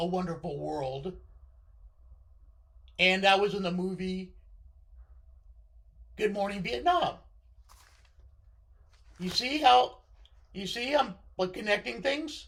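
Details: Left-sided vocal cord paralysis following surgery in a male speaker, limiting his control of his voice.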